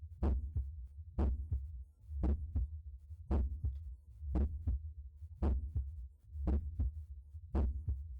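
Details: Normal heart sounds auscultated at the mitral area: steady paired lub-dub sounds about 57 beats per minute with a low background hum.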